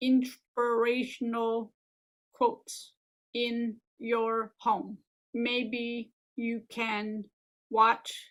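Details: Adult living with aphasia and apraxia since a stroke 15 years ago: aphasia with apraxia of speech.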